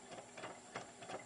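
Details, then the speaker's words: DIY syringe pump prototype with a NEMA 17 bipolar stepper motor driving a leadscrew, run by an Arduino at its rated 12 volts, carriage binding slightly: soft rhythmic whirring and ticking pulses; stepper motor running. "and it does bind a little bit. Right now, it's only running off 12 volts, which is what the motor is rated for."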